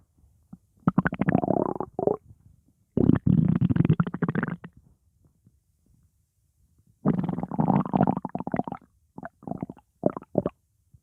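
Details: Stomach growling: long, low, gurgling rumbles in several bursts with pauses between.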